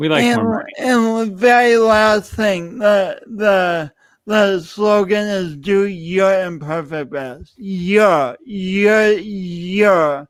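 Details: Adult male speaker; speech impediment with disfluent repetitions and prolongations.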